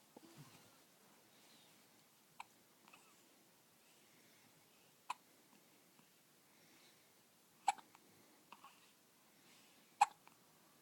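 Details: Infant in bed after her morning feed with hard hiccups: short, sharp, quiet hiccup clicks every few seconds, about five in ten seconds, in a quiet room.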